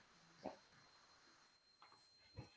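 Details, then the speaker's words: Sleeping female dog in the background: three brief snorting, grunting breath noises over a faint steady electronic hum; snoring. "My dog continues to snore in the background, so I apologize if you can hear that."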